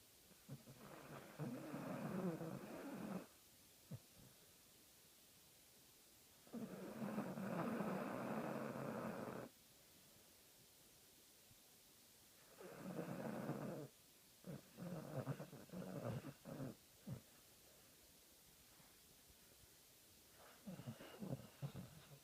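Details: Slow, regular rasping snores on each breath in, with quiet pauses between them; snoring.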